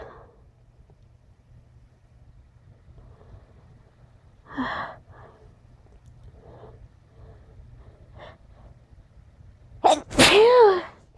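Quiet sniffs and faint breaths, then one loud explosive sneeze near the end.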